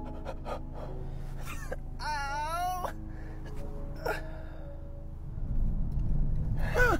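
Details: Vocal tics of Tourette syndrome during a tic attack while driving: sudden gasps, strained wavering moans and sharp bursts over car music.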